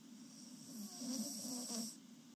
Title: Snoring girl (2) #shorts #sleeping #snoring #mouthopen